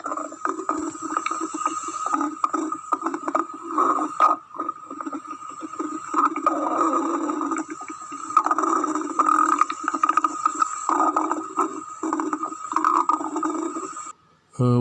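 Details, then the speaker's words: Heard through a stethoscope over the stomach: soft, irregular gurgles and rumbles. These are normal bowel sounds from ordinary digestive activity and enzyme secretion. "والصوت اللي هنسمعه ده صوت المعدة في حالة طبيعية، ونتيجة الصوت ده صادر عن secretion of digestive enzymes بداخلها."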